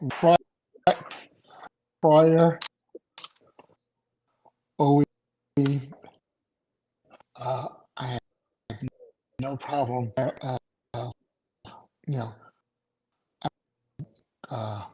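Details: Adult male stroke survivor with aphasia after two strokes in November 2017; right-sided weakness, unusable numb right hand, short-term memory problems, 10 seizures since stroke; finding: aphasia.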